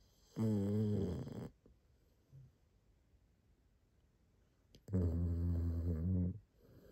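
Two long, loud, rumbling snores separated by quiet pauses; ordinary snoring.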